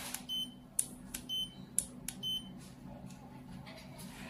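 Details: SY-Fill cordless gutta-percha endodontic obturation pen with five temperature settings: several short, high electronic beeps with faint clicks as the temperature setting changes; normal device feedback.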